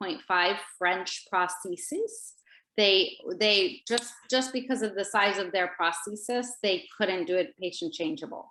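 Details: Adult woman speaking; Typical adult speech.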